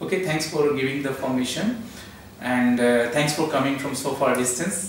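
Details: Adult man speaking; Normal adult male speech.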